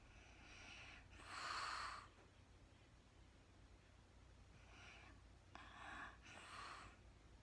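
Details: Adult woman sleeping in real time: soft rasping breaths with a louder snorting inhalation over a low steady room hum; ordinary snoring.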